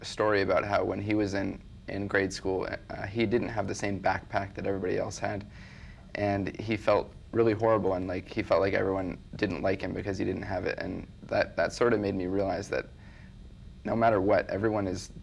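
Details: Child with stuttering, with part-word and whole-word repetitions.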